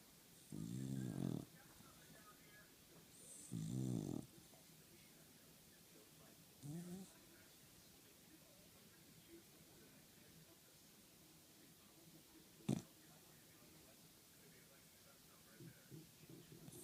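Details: Dog snoring while resting on a couch: three low, rattling snores about three seconds apart, then quiet breathing.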